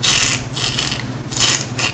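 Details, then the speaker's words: Fine crackles in interstitial lung disease (EPID), likened to crushing an eggshell, heard on auscultation with each inspiration and expiration. "la os culta estertores de la epid son los famosos crujidos que yo llamo que se parecen mucho al a cuando una cáscara de huevo se estripa sí o un crujido como que cada que el paciente hace inspiración expiración suena"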